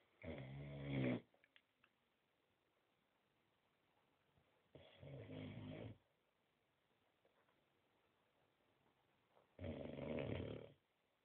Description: Our 9mth old boxer snoring his head off